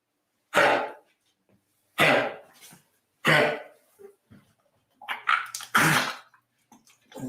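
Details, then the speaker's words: Repeated harsh, dry honking coughs with short gagging sounds from a dog with kennel cough (Bordetella bronchoseptica), a cough that is not vomiting. "That's not vomiting. That's kennel cough. And kennel cough sounds just like that."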